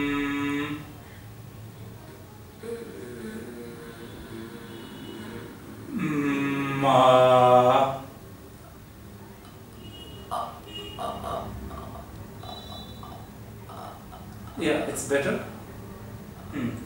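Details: Female patient with functional aphonia attempting to count from one to ten before therapy, with the attempt getting better; later treated within eight days; functional aphonia.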